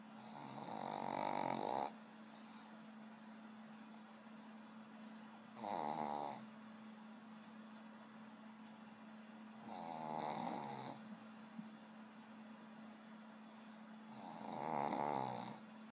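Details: Female pug sleeping: loud rattling snores on each breath in, about 15 a minute, over a steady background hum.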